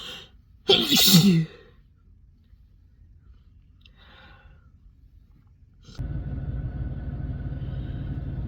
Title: Spring sneeze compilation